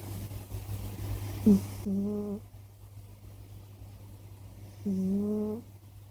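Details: Scottish Fold cat snoring: two loud, buzzy, tonal snores about three seconds apart over a steady low room hum.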